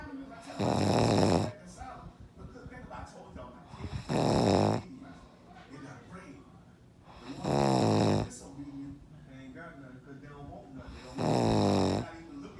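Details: Very loud, deep, rattling snores about 17 a minute, each lasting about a second, with quiet pauses between them; heavy snoring.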